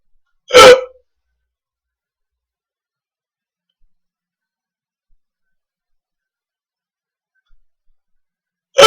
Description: Here is a video of me with the hiccups haha